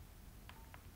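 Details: corpuls1 defibrillator entering AED mode after the Defib key is pressed, with electrodes below the right collarbone and laterally below the armpit: two soft electronic key-press tones, briefly joined by a thin whistle, over low room noise.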